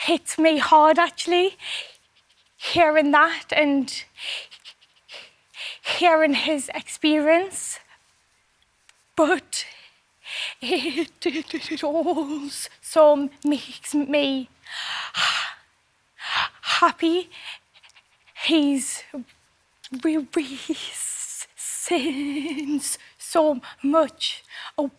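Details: Adult male singer who has had a stammer since his school years; stammering.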